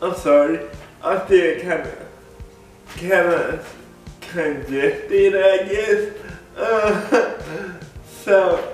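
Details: Dysarthric speech in an adult man with cerebral palsy; people have laughed at the way he talks since childhood. Cerebral palsy is named, but no speech disorder is formally named.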